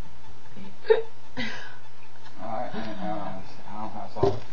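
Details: Hiccups in a person having them for the first time in a year; two abrupt, brief hiccup sounds about three seconds apart, with quiet talk between them while remedies such as holding breath and drinking are discussed.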